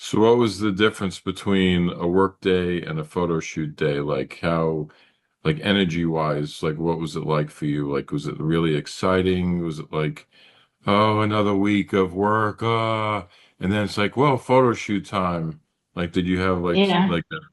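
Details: Adult male speaker; normal conversational speech.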